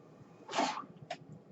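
A brief breathy rush of air followed by a short puff against quiet room noise: a mechanical ventilator cycling.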